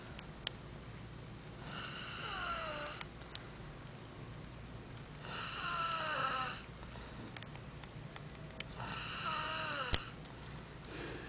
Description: She is friggin snoring